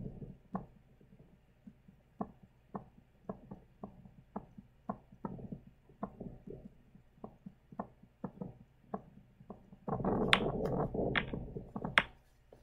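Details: Adult's own heart recorded with an Eko DUO digital stethoscope, racing from nervousness while filming: quick, repeated heart sounds (tachycardia), with a rustle of handling near the end.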